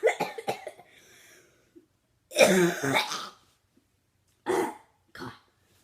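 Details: Young vlogger whose cough is getting bad again: a quick string of small coughs, then a loud harsh cough and two shorter ones.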